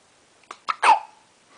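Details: Young girl with hiccups: a single sudden, sharp, voiced hiccup after a couple of quick catching breaths.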